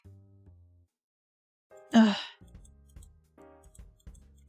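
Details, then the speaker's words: Adult woman with a suspected seasonal allergy, sniffling as the weather turns sunny: a single sharp sneeze heard over soft game music. "Such cute sneeze. Yeah, you might hear it more often because it's like getting sunny again and I have something about porn, I guess. So that's why I'm sniffying. Most likely I will sneeze more often."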